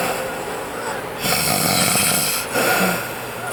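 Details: A mother snoring: two rough, rattling breath noises over steady background noise, typical of snoring.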